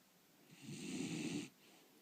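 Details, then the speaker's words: Sleeping snorer being told to stop snoring: a single one-second rasping, rattling breath with a hiss on top in a quiet room; a snore. "а Лилю ну посмотри Ну хватит храпеть Посмотри в камеру Лилю гулять пойдёшь пойдём в магазин в магазин пойдём с тобой пойдёшь в магазин"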